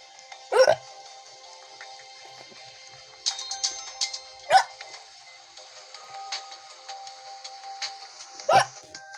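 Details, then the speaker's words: Person who often gets hiccups: short abrupt hiccups about every four seconds over background music; ordinary hiccups. "i was about to play the laundry somewhere later but then i got hiccups so oops"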